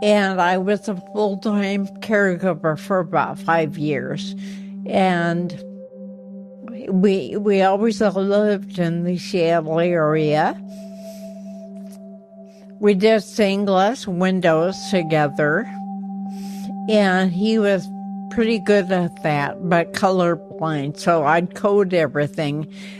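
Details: Ataxic dysarthria in an older woman with ataxia affecting her motor skills and voice.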